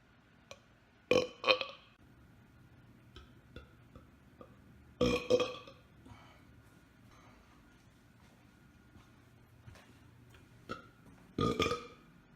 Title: Burping on Command